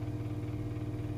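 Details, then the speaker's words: New-model body slimming vacuum therapy machine started to build vacuum: steady low motor hum with a constant pitch from the running suction pump. "आपको machine को start करनी है वहां पर रखना है और वेक्यूम की बनानी है कुछ इस तरीके से"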